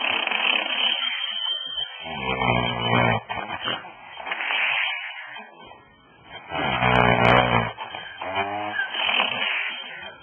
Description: woman sounds like a horse when snoring